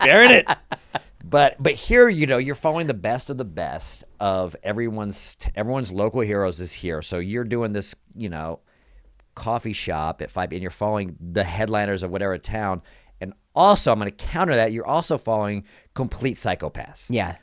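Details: Adult male speaker; conversational speech.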